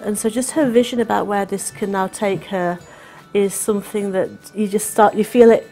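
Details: Adult woman speaking; normal fluent speech.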